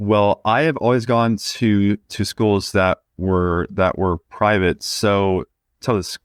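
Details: 20-year-old man who has stuttered since about age two: stuttering.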